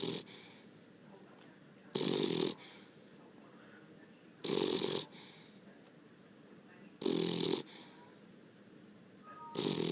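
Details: Pet beagle napping: loud raspy snores about every 2.5 seconds, roughly 25 a minute, with softer whistling exhalations between; ordinary dog snoring.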